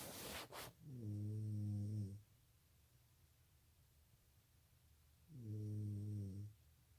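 Two long, low, buzzing snores on breathing in, about four seconds apart, with quiet between them. Ordinary snoring.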